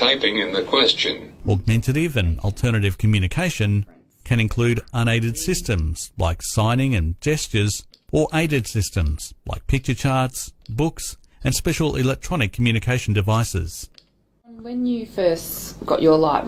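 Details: Adult male narrator; normal speech.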